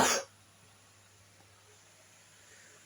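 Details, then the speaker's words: Cough from a speaker who is currently sick, heard during a recorded presentation. "mohon maaf apabila saya ada terdengar suara batuk-batuk itu saya lagi sini lagi sakit"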